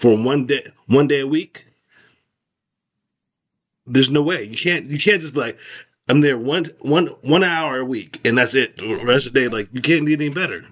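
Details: Expressive aphasia after a stroke in an adult male survivor, recovering with speech therapy.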